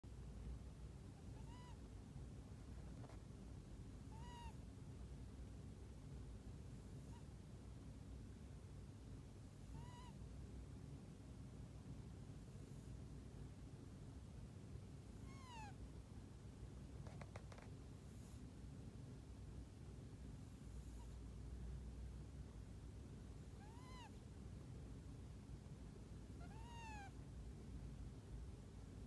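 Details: A sleeping kitten snores, making soft, high, squeaky whistles every few seconds over a steady low rumble.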